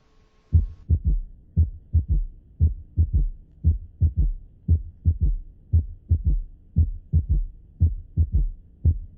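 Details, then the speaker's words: Physiological third heart sound in diastole, low-pitched, best heard with the stethoscope bell: slow, regular beat near 57 a minute with a soft, low extra sound just after the second sound. "escuchemos ahora un tercer ruido fisiológico como es un sonido que se produce en diástole es un sonido grave lo encontrará más fácilmente con la campana de su"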